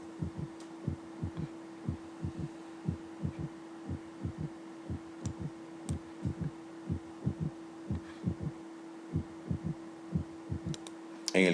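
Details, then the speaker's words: Ventricular gallop (third heart sound, S3) at about 60 beats a minute: an extra low, soft sound after the second sound, linked to ventricular distension disorders. "Otra vez tercer ruido, galope ventricular, trastornos de distensión del ventrículo"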